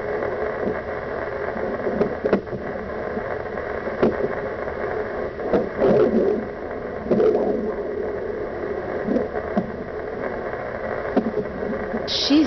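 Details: Fetal hiccups at 34 weeks 4 days heard on a Doppler: steady hiss with occasional sharp, spaced thumps as the baby girl hiccups in the womb.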